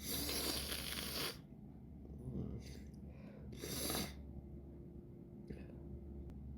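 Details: Two forceful, airy sneezes after false starts from an irritated nose, with soft sniffs and faint breaths between them in a quiet room.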